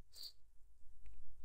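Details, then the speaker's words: Single short, sharp, hissing sneeze from an adult in a quiet room; the speaker says they have a slight cough and cold. "I am sorry, मुझे थोड़ी सी मेरी आवाज़ से आपको पता चल रहा होगा कि थोड़ी खांसी और सर्दी हो रखी है मुझे।"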